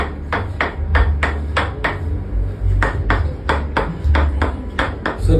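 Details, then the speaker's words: Rapid, even dull thuds about three per second over a low hum: chiropractic percussive tapping on the back muscles, not bones, producing sound waves and vibration to relieve back pain and soft-tissue pressure. "வந்து tape பண்றது வந்து இது வந்து sound waves தான் produce பண்ணும் இது போன்ஸ்ல கிடையாது இது மசில்ஸ்ல தான் சரியா"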